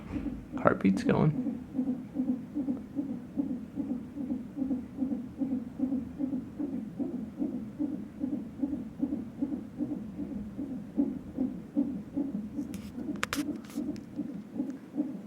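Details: Fetal heartbeat from a monitor strapped on the lower belly of a past-due pregnant woman at a check-up: rapid, regular whooshing pulses at about 150 a minute.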